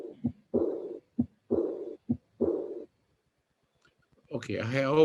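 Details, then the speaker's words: Cardiac auscultation teaching case: each heart sound is followed by a fading blowing diastolic murmur; typical aortic regurgitation murmur, with brief speech after. "i want to underline and emphasize the fact that this is a high frequency sound uh with relatively low intensity and could be easily missed but that's the reason why some maneuvers have to be performed close your eyes and please listen with attention so another case with the typical arctic vegetation murmur"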